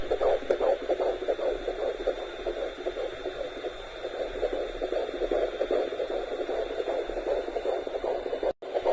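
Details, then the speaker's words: Fetal heartbeat on ultrasound at a 15-week pregnancy dating scan with a midwife: rapid, regular whooshing pulses at about 150 per minute over steady machine hiss, with a little kick at the end. "and ah you are about to see and about to hear my baby's heartbeat guys"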